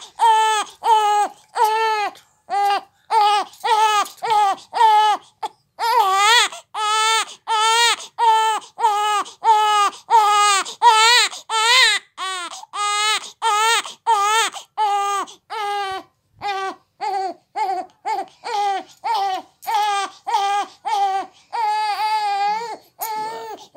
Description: Baby crying for Nipple